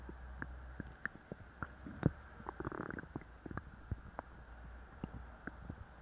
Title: Laxative stomach growls